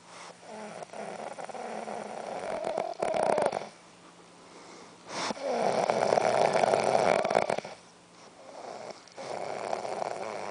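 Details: Snoring from a sleeping person, secretly recorded by her boyfriend as she slept then woke.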